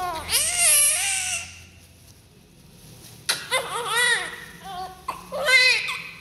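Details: Repeated loud, high-pitched newborn cries with rising and falling pitch and short pauses, during cutting of the umbilical cord, cord clamp fixing and cleaning after birth.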